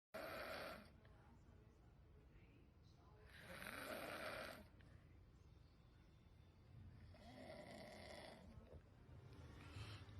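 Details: Loud, harsh rattling snores on inspiration, about 17 a minute, over quiet room noise; heavy, annoying snoring.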